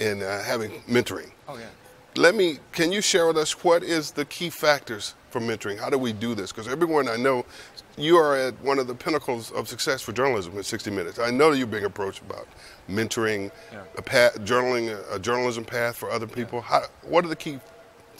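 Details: Adult speaker; ordinary speech.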